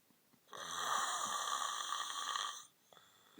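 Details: Man who passed out after a night of surfing and partying: a single loud, rattling, high-pitched snore lasting about two seconds.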